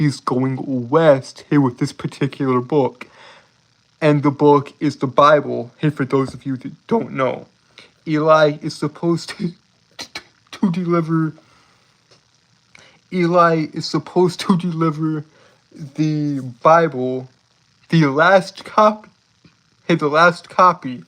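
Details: Stuttering in an adult male streamer who says he has a speech impediment that makes him stutter and trip over his words; finding: stuttering.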